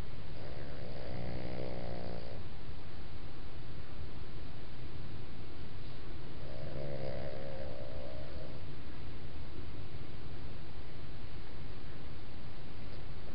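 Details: Two rough, rumbling snores several seconds apart over a steady, heavy low background hiss; snoring.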